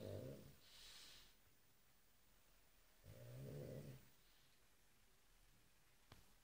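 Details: A pug sleeping and snoring, loud for a small dog: soft, low, rattling snores on the in-breath with hissing out-breaths between them.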